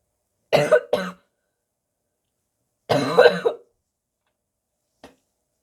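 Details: Barking cough in a sick person: two harsh cough bursts, then a longer, rougher retching/gagging effort and a faint click.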